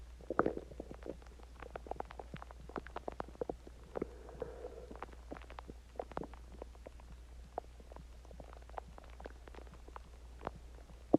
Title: My Stomach Growling After Eating Chinese Food and Drinked Water